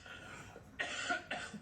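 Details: Adult on live TV has a coughing fit: a quieter throat-clearing sound followed by two sharp, harsh cough bursts.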